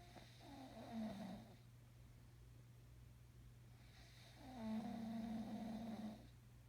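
Two long, buzzing snores over a steady low room hum, with a quiet pause between breaths. Snoring.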